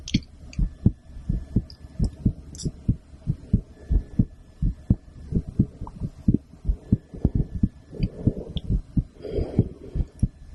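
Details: Adult woman's heartbeat heard through a stethoscope shortly after her second blood draw in a week, recorded as ASMR with background music; heart sounds.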